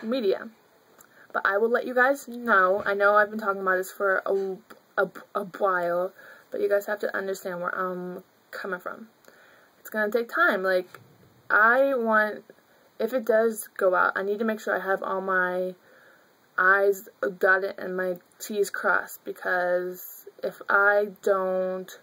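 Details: Adult woman who stutters, with part-word and word repetitions audible; stuttering.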